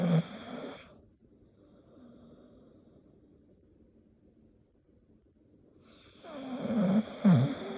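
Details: Snoring from a sleeping dog.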